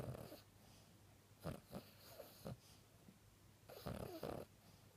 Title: Dreaming flinching loud snoring Chi.